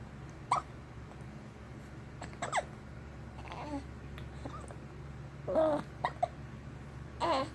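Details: Baby with hiccups: several brief, abrupt catching sounds at irregular intervals, with soft baby noises between them over a low room hum.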